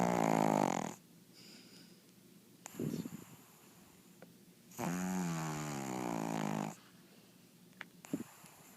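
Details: Sleeping pug snoring very loudly; loud rattling snores on the in-breath with quieter breathing between, typical flat-faced dog snoring.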